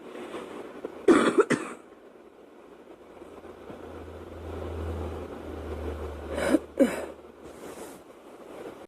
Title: Girl coughing 185